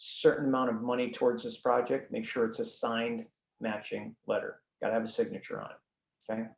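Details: Male speaker with spasmodic dysphonia, a neurological vocal cord disorder diagnosed a couple of years after 2001 through a telemedicine consult; he says symptoms act up and are audible; also has Duane syndrome (neurological eye disorder); spasmodic dysphonia.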